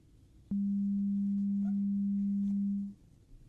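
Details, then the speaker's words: Simulated ASMR roleplay hearing test through headphones: steady pure low-pitched tone lasting about two and a half seconds against quiet room noise, listener asked which ear hears the beep. "For this one, let me know when you hear the beep. Okay, now what ear do you hear the sound?"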